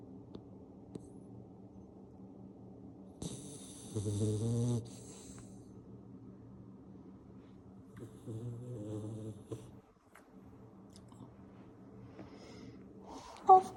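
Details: Sleeping Labrador retriever puppy: quiet, low steady sleep breathing with a couple of brief snoring snorts and a small yelp at the end; snoring.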